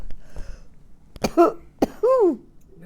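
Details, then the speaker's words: Two short, harsh throat-clearing coughs from an older adult storyteller, each followed by a brief voiced grunt, in a quiet room during a recorded family interview; another speaker remarks it makes them want to clear their throat too. "Hey, you make me want to clear my throat, too."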